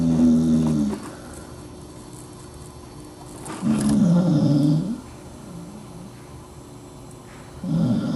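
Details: Dachshund sleeping under a desk: low, groaning, rumbling snores on three breaths, about 16 a minute; dog snoring.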